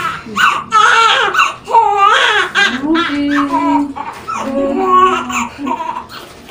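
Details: Loud, high, wavering cries with short breaths between, from a newborn just after a normal birth of a second baby; a strong, normal newborn cry.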